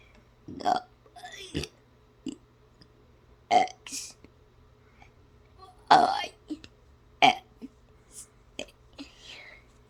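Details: Deliberate, playful burping of the alphabet song: a series of voiced burps shaped into letter sounds.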